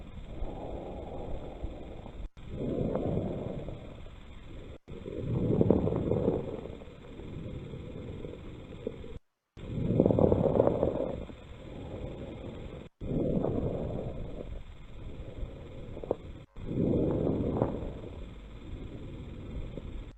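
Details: Simulated breath sounds from a pulmonary fibrosis case in a lung auscultation class: five breaths with rough crackling on each inhalation, the dry, Velcro-like crackles of pulmonary fibrosis.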